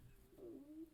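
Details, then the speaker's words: Soft, low, wavering gurgle sliding over about half a second from an adult's stomach during speech; stomach rumbling (borborygmi). "i don't know if you can hear my stomach rumbling it's got lots to say"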